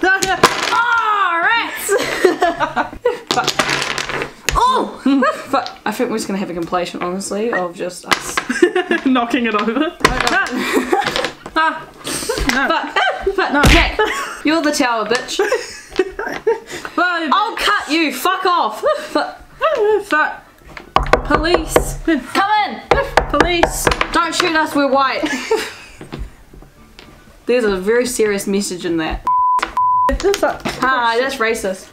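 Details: Real Tourette syndrome with repeated 'excuse me' vocal tic phrases and coprolalia-like outbursts; finding: vocal tics with coprolalia (Tourette syndrome).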